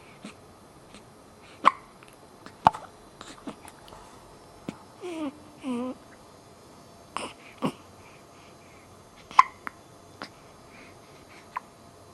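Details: Newborn girl aged 1 week and 1 day, hiccupping during taping in a quiet room: several brief, sharp little catches at irregular intervals and a few soft vocal squeaks; harmless hiccups.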